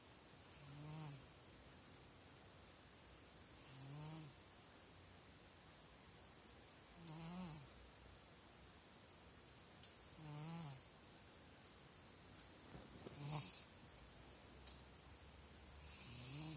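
Soft, regular snores at about 19 a minute, each a low rumbling breath with a faint whistle, over quiet room noise.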